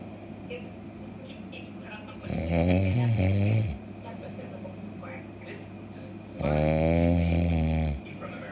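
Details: Two long, loud, rough rattling snores on breathing in, separated by quiet breathing; ordinary snoring.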